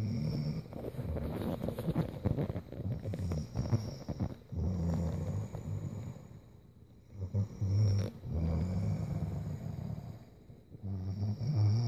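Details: Sleeping girl snoring: loud, rough, rattling snores about 16 a minute, with brief quiet pauses between breaths.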